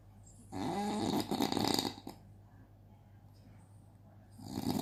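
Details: Loud, rough snore on an in-breath, then quiet before the next snore starts; a baby is startled by hearing the snoring.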